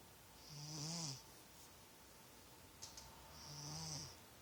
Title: Snoring kitty